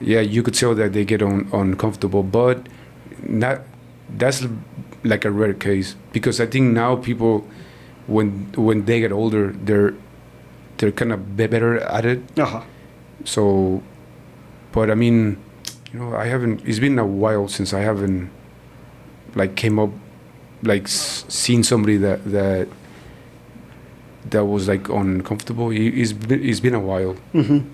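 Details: Stuttering in an adult man born in Mexico and living in Texas who describes himself as a person who stutters.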